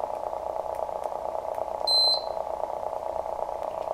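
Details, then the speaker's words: Functional test of a Neurosign N100 nerve monitor, preamplifier pod connected and both channels on: the electrode warning beeper alarms after about 20 seconds, a high-pitched beep over a steady hum, signalling a possibly dislodged electrode needle. "electrode warning beeper should activate every so many seconds this indicates to the surgeon that potentially the electrode needle has come out of the patient"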